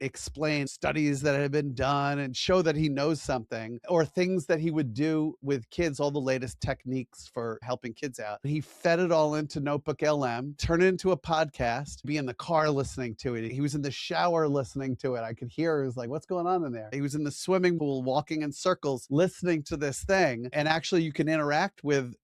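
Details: Adult male speaker; normal conversational speech.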